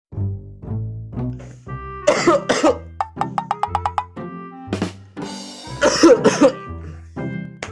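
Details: Acted productive cough in a herbal cough syrup advert: two short clusters of wet-sounding adult coughs over steady background music.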